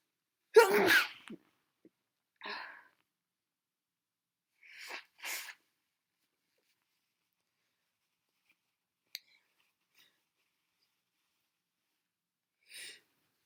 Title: Loud, snotty sneezes